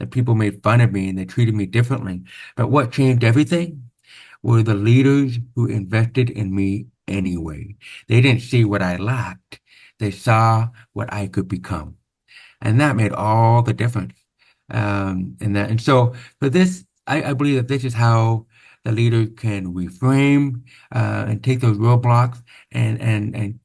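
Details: Deaf speech (hearing-loss accent) in a man born with very severe/profound hearing loss (about 90%), with over 13 years of speech therapy; real, not acted.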